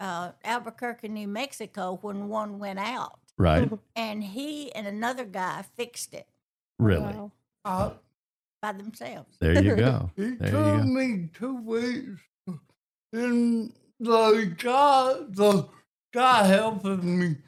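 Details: Adult man with cerebral palsy and a speech impediment since childhood; dysarthria (cerebral palsy).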